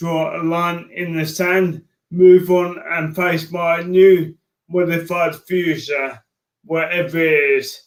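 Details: Adult man with motor neurone disease diagnosed in January 2018; speech changes were an early sign of the disease; dysarthria (motor neurone disease).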